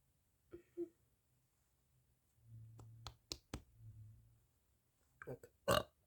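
Several low, throaty burps with sharp clicks between them, ending in a louder burst. Quiet room.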